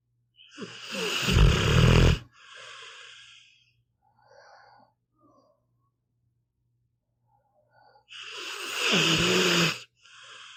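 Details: Sleeping pitbull dog: loud rattling snores on inhalation with softer puffing exhalations, about 11 breaths a minute, snoring.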